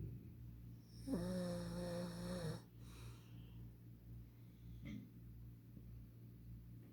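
One loud, rattling snore on the in-breath, then a quieter breath, over a steady low room hum.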